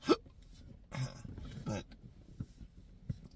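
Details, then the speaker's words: Sharp involuntary hiccups amid strained vocal noises while struggling to speak, in chronic intractable hiccups beginning December 9, 2015 after a bad surgery outcome; episodes progressed from two or three days a week to daily 12–14 hours. "true to fashion, the hiccups are going to come every day now when at that time they were only two or three days a week and then I'd have days off."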